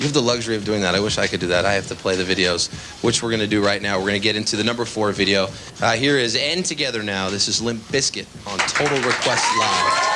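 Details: Adult male speaker; normal voice.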